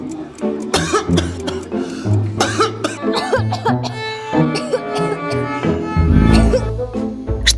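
Several short, harsh cough bursts from an adult, acted, heard over prominent background music.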